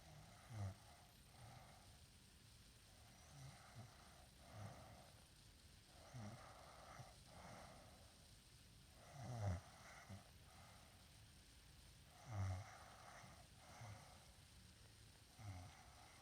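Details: Big female sleeping in, snoring loudly: rough, low rattling snores about every three seconds, roughly 20 a minute, over steady room noise.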